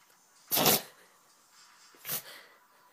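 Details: Two sharp, hissy nasal sneezes about 1.5 seconds apart from a dog during a sneezing attack after something got in his nose. It was not serious and he was unharmed; sneezing.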